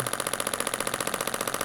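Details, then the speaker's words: Adult woman with plantar fasciitis heel pain for over 3 years, radial shockwave applied to calf trigger points, intensity set by tolerance: rapid even metallic jackhammer-like rattling as the projectile strikes the applicator; radial shockwave therapy device. "so that ratcheting sound or the jackhammering sound is that bullet hitting the end of the the tool and then sending that that shock wave into the tissue"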